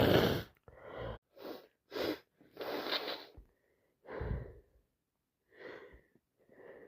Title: Nose is full of cold plus sinusitis I can't stop sneezing #cold #achoo #cold #snotty #allergic